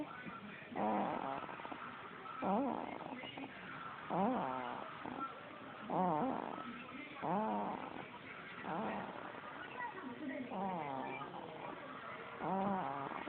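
Repeated nasal, whistling snores roughly every one and a half seconds, about 35 a minute; soft snoring during sleep.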